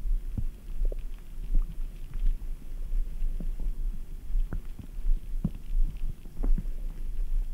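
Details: Adult stomach rumbling after drinking ice-cold Red Bull: low steady rumble with scattered gurgles, pops and soft squelches at irregular intervals, bowel sounds.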